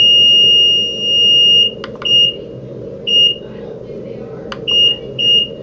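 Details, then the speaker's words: Stryker S3 hospital bed, cycling through selectable bed exit alarm sounds in the menu: high-pitched electronic beeping alarm tones repeating in bursts with soft room noise. "and push enter to select which that alarm exit sound you would like"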